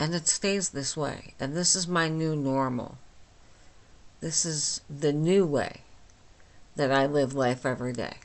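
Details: Flaccid dysarthria from myasthenia gravis in a 49-year-old woman with the disease since age 8, causing talking and swallowing problems; she speaks without her usual appliance, about two weeks after finishing Rituxan treatment.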